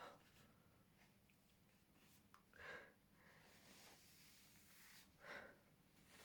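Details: Self-induced (forced) sneezes: two short explosive bursts a few seconds apart, each preceded by an inward breath, in a quiet room.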